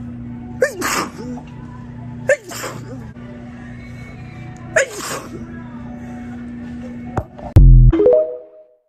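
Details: A girl sneezes three times sharply over a steady background hum, ending in a loud thump and ringing tone.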